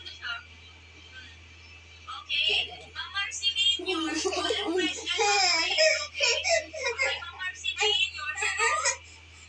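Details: Bursts of high-pitched infant crying and whimpering over a steady low room hum, from a fussy baby with an older brother; infant crying.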